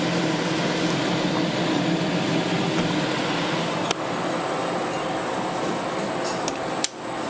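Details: Steady whooshing blower noise with a few knocks from a veterinary hospital oxygen chamber holding a pet, Dixie; oxygen chamber running.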